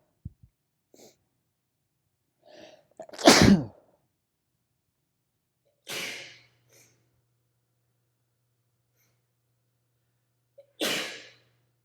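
Three sharp explosive sneezes, the first preceded by a quick catching inhale, in a quiet room.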